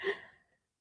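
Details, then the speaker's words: 12-year-old dog (Diesel) asleep, giving a single short, breathy snort fading within half a second; snoring. Owner suspects a nerve issue in one hind leg. "Diesel snoring away. I don't know if you can hear him."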